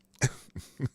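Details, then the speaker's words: Three quick, harsh coughs in a row from an adult man who is feeling unwell, with a hoarse voice and frequent coughing. "Can you tell I'm not feeling good? You can probably hear my voice, and I'm coughing a lot."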